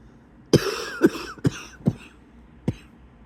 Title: # 153 wheezy cough in bed